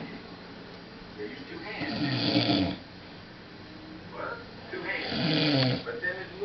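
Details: Man passed out after a night of heavy drinking: two loud, rough snores on breathing in, a few seconds apart, with quiet breathing between; snoring.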